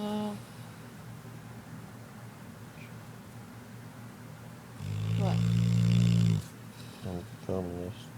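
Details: Female dog in a quiet room gives a loud buzzing snore-like groan and short snorts: snoring.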